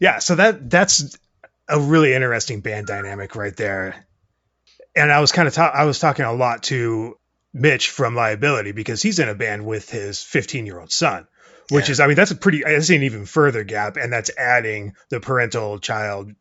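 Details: Adult man; normal speech.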